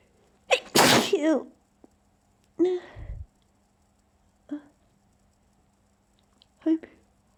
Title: trying to sneeze quietly